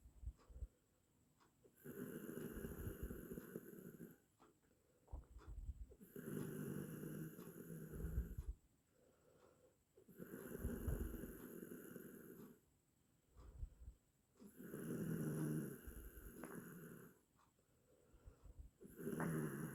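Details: Low, rumbling snores at about 15 breaths a minute with quiet gaps between, from an 8-minute snoring sound-effect recording; ordinary snoring during sleep.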